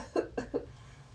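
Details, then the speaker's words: Simulated patient in high Fowler's position, after mouth rinse, coughing into a sputum cup for specimen collection: three short voluntary coughs after a deep breath, acted demonstration; voluntary cough. "She's going to cough into the cup. Deep breath, cough."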